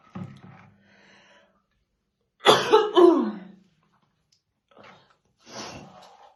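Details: Deep, heavy coughing in fits, several harsh bursts with breathy pauses, from a woman brushing her hair in the morning; a smoker's morning cough, stated to be real and not acted.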